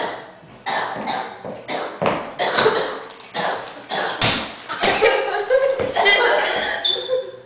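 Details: Repeated harsh coughing, around ten bursts in quick succession, in a room with some echo.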